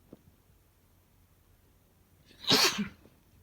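A single loud, explosive sneeze bursts out after a quiet pause, with a brief inward breath before it.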